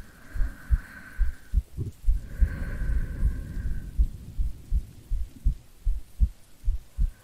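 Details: Soft low heart thumps under steady rain with slow breathing, a recorded heartbeat presented as a sleeping girlfriend's for sleep-aid ASMR; calm normal heartbeat.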